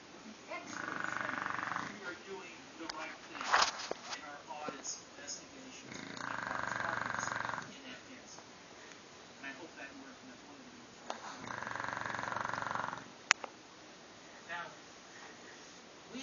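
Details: Bulldog snoring loudly: three long, rough, noisy breath sounds a few seconds apart, with quiet gaps and faint clicks between.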